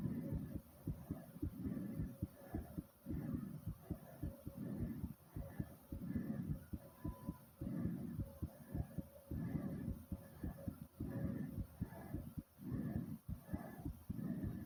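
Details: Fast heartbeat and heavy breathing after doing squats to near exhaustion: quick, steady heart thumps under deep, rapid breaths; normal racing heartbeat after exercise.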